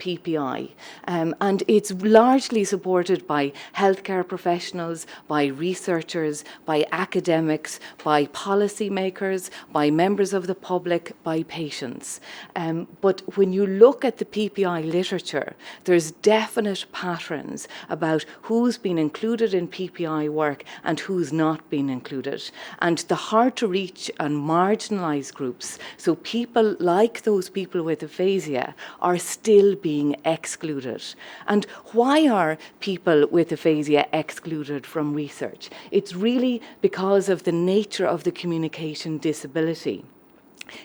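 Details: Adult woman speaking; normal speech.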